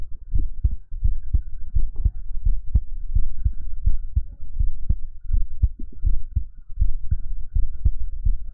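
Steady low thumping heartbeat at about 85 beats a minute, with a faint hum behind.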